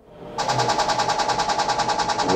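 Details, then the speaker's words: Transcranial magnetic stimulation for depression: rapid train of sharp, regular clicking pulses from the TMS coil during a treatment session. "before i forget in case you would like to see a snippet of tms and you haven't seen my other tms videos yet here we go"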